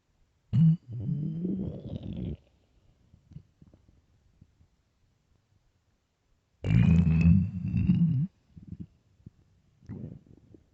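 Two long, loud, low gurgling growls with rumbling between them: stomach growling, gut movement that commonly comes with hunger.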